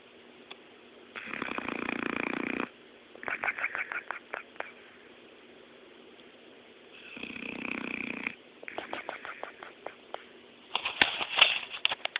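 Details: Boxer dog, normally a very active sleeper, snoring in sleep: rasping inhaled snores about five seconds apart, each followed by soft puffing breaths, lips moving.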